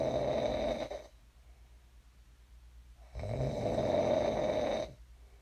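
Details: Sleep snoring recorded for ASMR: two loud, rasping inspiratory snores with quiet pauses between; ordinary snoring in a sleeper who later woke up.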